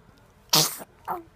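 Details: A single sharp, explosive sneeze followed by a brief, softer voiced sound.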